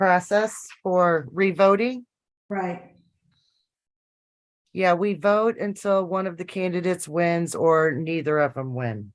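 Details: Adult woman speaking in a meeting; Normal voice.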